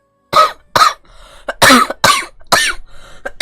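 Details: Girl coughing: a run of about five loud, harsh coughs in quick succession with short breaths between; a plain cough.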